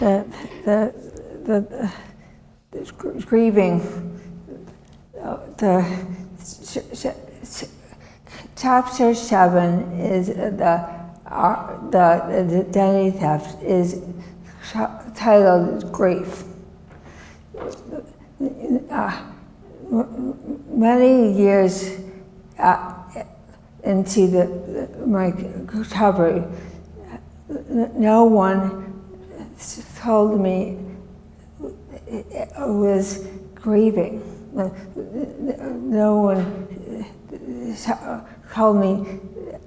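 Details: Adult woman, former professor, with non-fluent aphasia from a severe stroke in 2010 that left her right side disabled and took her speech; she relearned making sounds and still cannot speak as before; non-fluent aphasia.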